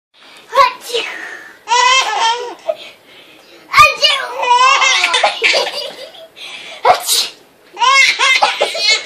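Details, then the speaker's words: Three sharp sneezes, each followed by a baby's bright giggling laughter as she reacts to the sneezing. "She's getting a kick out of them sneezing."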